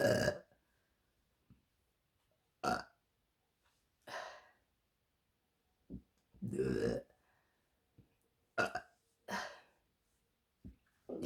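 About six loud, throaty burps with short pauses between them, plus a few faint gulps: repeated belching.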